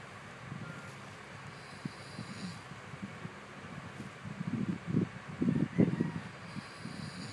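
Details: A father snores in the early morning while a baby watches: low, rough, rattling breaths grow louder over several seconds against room noise.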